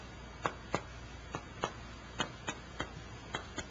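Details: Chest percussion note, resonant to dull.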